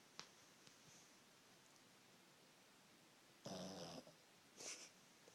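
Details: Pug snoring: a loud, rough snorting breath and a second shorter one against quiet, hissy room noise.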